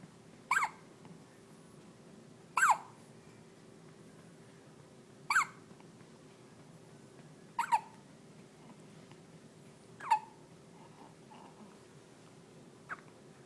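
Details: Hiccups: six short, sharp hiccups roughly every two to three seconds, about 25 a minute, against quiet room noise; said to sound like a rubber toy in the little belly.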